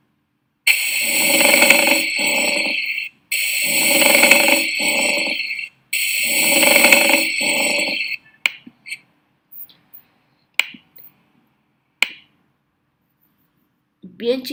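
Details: Teaching example of a pleural friction rub, likened to two sheets shearing during inspiration: three loud, harsh, grating bursts, each in two parts like creaking leather, then quiet clicks.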